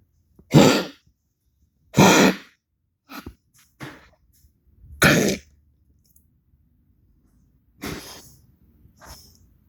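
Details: Animal coughing for a veterinarian: about seven harsh, dry cough bursts, irregularly spaced, some forceful and some weaker.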